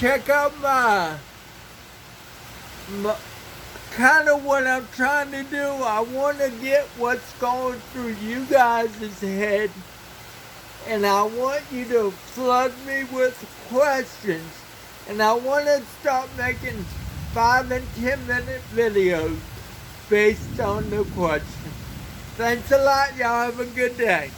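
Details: Dysarthria in an adult man who has lived 49 years with cerebral palsy and describes a speech impairment; he reports that some words take extra effort and that the following words come with struggle.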